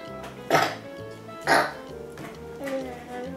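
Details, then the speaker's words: Two short, sharp coughs about a second apart from a child, over steady background music. "han Husten das hört man ne"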